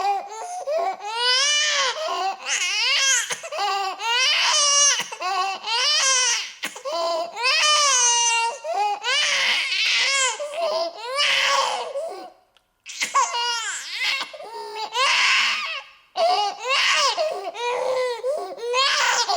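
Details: An infant cries in repeated high-pitched wails with brief gasping pauses, recorded close up indoors.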